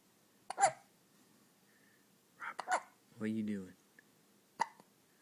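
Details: Hiccups in a baby boy, recorded 10/2009: several short, sharp, jerky gulps a few seconds apart, with a brief soft cry between them.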